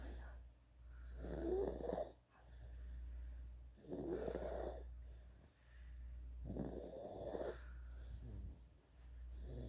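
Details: Soft, rattling snores with each breath, about 22 a minute, over a steady low room hum from a sleeping 9.5-month-old infant who is also drooling; infant snoring.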